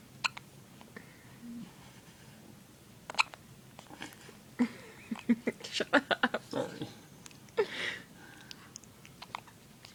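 Short, sharp catching sounds come in a quick irregular run, with faint room noise: hiccups.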